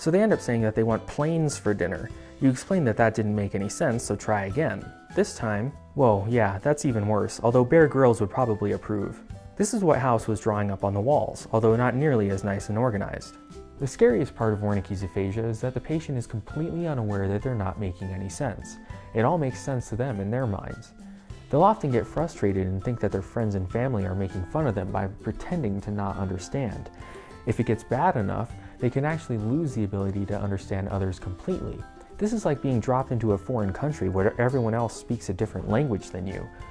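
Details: Adult male narrator; normal speech.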